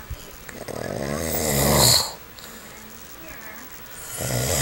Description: Wife records husband snoring while he sleeps